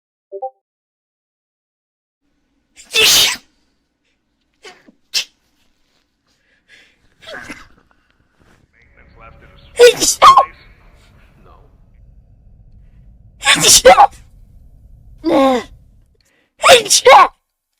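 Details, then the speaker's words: Female streamer, sneeze compilation: several loud, explosive sneezes, some in quick doubles, with short bursts of voice between, saying she sneezed again; repeated sneezing. "sorry sneezed it again I sneezed it again"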